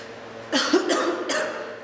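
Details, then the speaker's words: Harsh, dry irritant cough, three bursts in quick succession, in a girl after inhaling vapor while vaping; she says it is strong, gets stuck in her throat, and her nose is running. "this is so strong yeah you normally cough when you leave"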